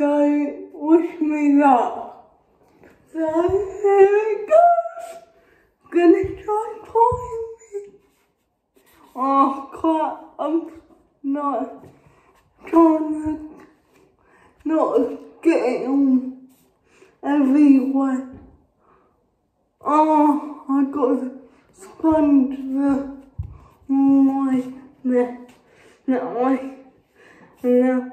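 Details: Adult woman with cerebral palsy speaking. Finding: dysarthric speech (cerebral palsy).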